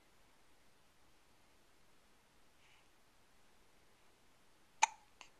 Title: Hiccups 2